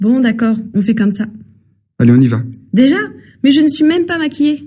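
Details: Adult speakers in an acted French dialogue; normal voice.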